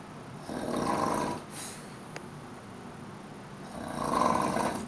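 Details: Adult napping on a hotel couch after a long train ride, two loud rough snoring breaths a few seconds apart with quieter breathing between; snoring.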